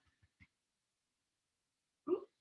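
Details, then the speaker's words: An adult woman has a hiccup attack during a core workout: brief, abrupt throaty gulps, a quick run of three and then a louder one. "i'm sorry if these hiccups are really hard to listen to can you hear them"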